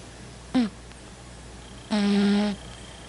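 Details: Sparkle the cat snoring while asleep: two low, buzzing, tonal breath sounds in a quiet room, one brief and one lasting about half a second.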